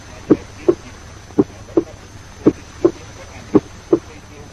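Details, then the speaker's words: Teaching recording at the cardiac apex: normal lub-dub rhythm, with the first heart sound somewhat lower in pitch and louder than the second: normal first and second heart sounds. "As you listen, note that at the apex, the first heart sound is somewhat lower in pitch and louder than the second heart sound."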